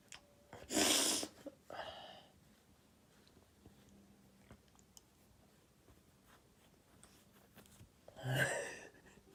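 Two short, sharp sneezes several seconds apart in a quiet room.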